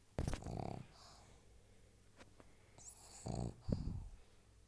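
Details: A pug snoring: two loud, rattling snorts with quieter breathing noise between them in a quiet room.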